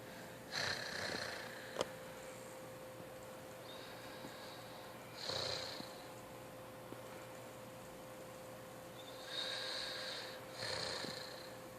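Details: Soft whistling snores on the in-breath from a sleeping teenager, about three noisy breaths over twelve seconds with steady background hum; ordinary snoring.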